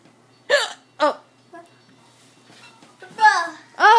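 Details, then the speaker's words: Adult mother with hiccups while her young child shouts "boo" to scare them away: abrupt voiced gulping hiccups, two close together then more, with brief vocal sounds and the child nearby; repeated hiccups. "okay I still got the hiccups oh my God I still have the hiccups"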